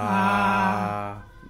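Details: Client with Parkinson's disease, dysphonia, dysarthria and dementia, sustaining 'aa' after a deep breath during voice therapy; Parkinsonian dysphonia (sustained vowel).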